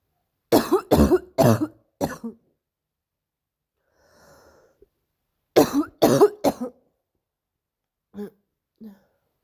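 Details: Two rapid runs of harsh barking coughs, about seven in all, with a seal-like quality; the cough is described as painful.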